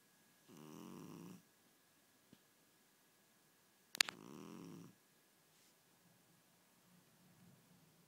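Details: Sleeping cat gives two rough, rattling snores, each about a second long, in a quiet room.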